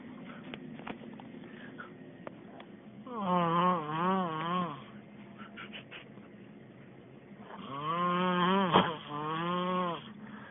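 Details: Part 1 of a snoring recording: two long, loud, droning breaths with a buzzing, wavering tone, separated by quiet breathing in a quiet room.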